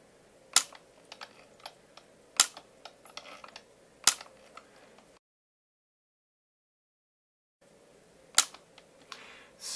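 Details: Sharp isolated clicks at irregular intervals in a quiet room: YAG laser firing to break up a dense vitreous floater in a male patient's left eye.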